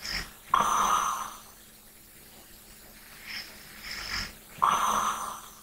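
Two loud rattling snores on inhalation about four seconds apart, with softer breathing between; ordinary sleep snoring.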